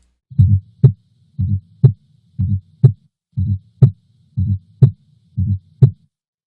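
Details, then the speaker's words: Teaching example of a fourth heart sound (S4): regular heartbeat about 60 a minute with a soft, low extra sound just before S1, the "Tennessee" cadence (S4-S1-S2) of atrial contraction. "And I'll play you an example of an S4 now. And many people recognize an S4 by thinking of the word tennis."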